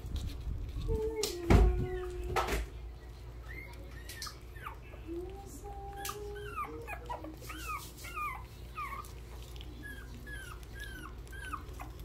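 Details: Several hungry newborn puppies crying for milk: high, thin, rising squeaks and whimpers, repeated over room noise.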